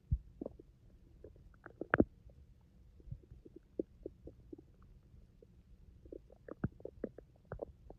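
Irregular gurgling, bubbling and low rumbling bursts with short squeaky pops over quiet background: ordinary bowel sounds, stomach growling (borborygmi).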